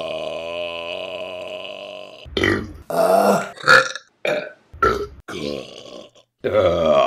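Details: A long, drawn-out voiced belch, then a series of shorter burps, from a burping compilation; repeated burping.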